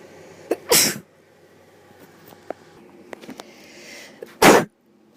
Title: Sneezing In the Morning